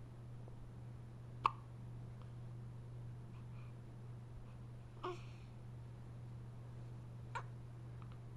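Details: Three short, sharp hiccups spaced a few seconds apart over steady low room hum; hiccups.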